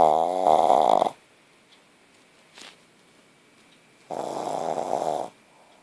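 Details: 9-month-old puppy snoring in sleep, owner notes her tonsils are very large: loud, rough, vibrating snores on each inhalation separated by quiet exhalations.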